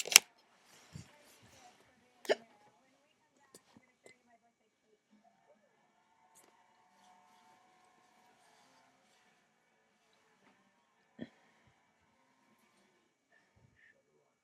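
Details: Sharp, brief hiccup sounds at irregular intervals, a few close together early on, in a quiet room; hiccups.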